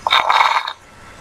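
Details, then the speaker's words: Brief rattling, crackling burst over the chest from a teaching recording of abnormal breath sounds: rales (crackles), described as arising in the bronchi. "estertores dijimos que se dan en los [Aplausos] bronquios crepitantes"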